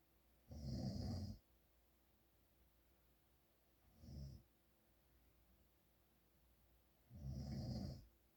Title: My dad snoring more.